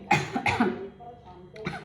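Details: A person gives a few abrupt, harsh cough bursts in quick succession, with a brief pause before a final cough, on the first bite of seblak that is not very spicy.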